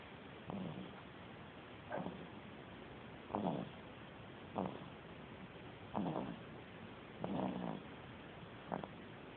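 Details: Soft, short rhythmic snorts at about 43 per minute, a sleeping cat snoring lightly over quiet room noise.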